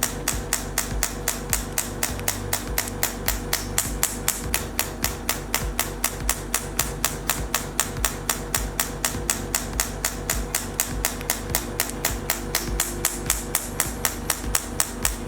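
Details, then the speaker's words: Radial shockwave therapy handpiece firing rapid, regular sharp tapping pulses, about four a second. The head sits on gel-covered skin and is moved in slow motions or small circles over the trapezius muscles. "The operating head is close to the skin of the operating area. Tap the switch on the handle."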